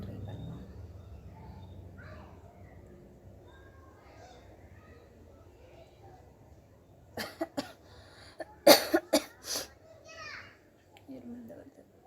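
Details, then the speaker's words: Cluster of about six short, sharp coughs after a quiet stretch, set off by tickling the nose with cotton buds while trying to make herself sneeze; she says it brings only coughing, not sneezing. "ரொம்ப இருமல் தான் வருது, தும்மல் வர மாட்டேது."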